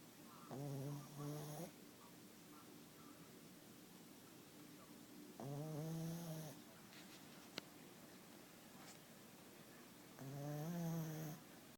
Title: Poseidon snoring